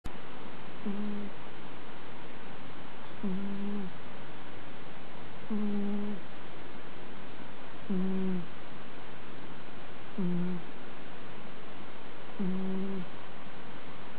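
Soft, regular, low buzzing snores about every two seconds, roughly 27 a minute, with steady room hiss: a sleeping cat snoring.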